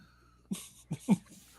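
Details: Cough from an adult podcast host back after a recent illness, recorded without muting.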